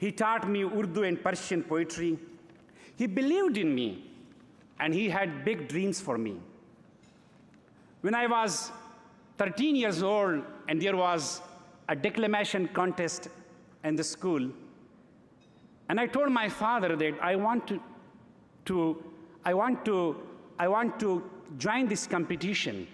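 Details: Adult man who has stuttered since early childhood and calls it a speech disorder; he says he later overcame it enough to become a prize-winning debater; stuttering.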